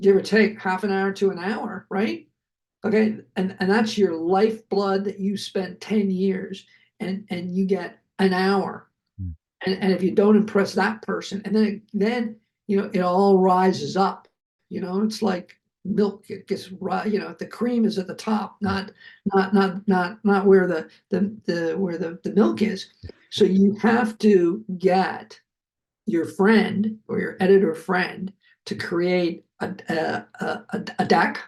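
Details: Adult male film producer, a heart attack and aphasia survivor with multiple health challenges, who himself notes his aphasia kicking in while speaking; aphasia.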